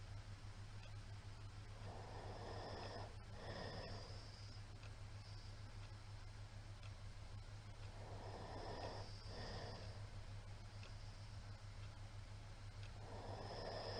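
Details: Middle-aged man's snoring recorded 28 March 2022 during sleep: rough snoring on each breath in, about every five to six seconds, over a steady low room hum.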